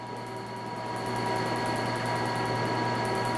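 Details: Steady rapid clicking pulses, about 220 a minute, over constant machine hum: a PicoSure picosecond laser firing across a tattoo in a first removal session.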